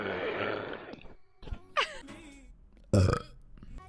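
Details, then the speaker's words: Female burping in a compilation: several loud, low, gurgling belches with brief pauses between them, followed by remarks that it was a huge burp and apologies. "like that was a huge burp okay John I appreciate perfect sorry thank you thank you I'm so sorry woo"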